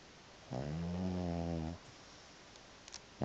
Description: This is my cat Murdoch snoring. He was louder than the TV.